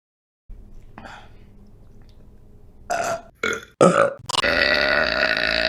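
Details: Several loud, throaty burps in quick succession, the last one long and drawn out; belching.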